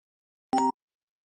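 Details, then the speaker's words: Single short electronic tone from an intensive care unit monitor alarm, sounding when a vital sign goes above or below its set alarm range, limits adjustable by the operator. "cuando los parámetros vitales están por encima o por debajo de estos números suenan las alarmas y lógicamente se toman algún tipo de acción"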